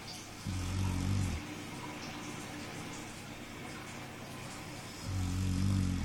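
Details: Dog fast asleep and snoring loudly, as it does most of the night: two loud, low rumbling snores several seconds apart over steady room noise; snoring.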